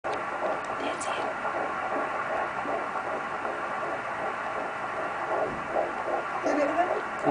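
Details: Doppler fetal heartbeat at 13 weeks of pregnancy, heard at the second doctor's visit: fast, steady whooshing at 163 beats a minute.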